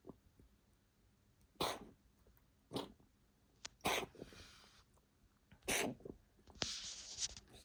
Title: Coughing fit July 26